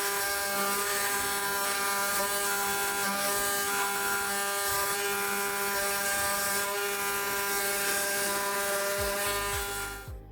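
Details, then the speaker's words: Robotic knee replacement: robotic arm positioned automatically via leg sensors and camera, surgeon holds arm-mounted cutter to shave bone within haptic boundary; continuous high mechanical whine with rapid grinding rattle; robotic-arm bone cutter. "자동으로 위치를 잡으면 제가 로봇 팔을 잡고이 로봇 팔에 달린 절삭기를 이용해서 뼈를 깎아내게 됩니다"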